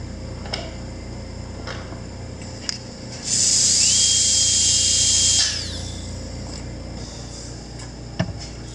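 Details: About two seconds of high-pitched whine rising and falling, with scattered clicks in a quiet room: a dental handpiece running on a used ASI 2025 portable (mobile) dental unit, formerly military service.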